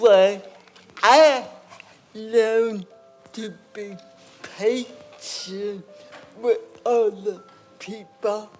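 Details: Adult woman with cerebral palsy and lifelong speech impairment, who first spoke at age four and was understood early on only by her sister; dysarthria (cerebral palsy).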